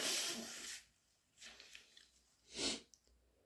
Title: Wet cat allergy/induced half-stifles